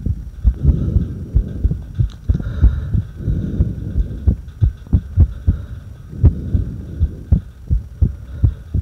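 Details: Irregular heartbeat.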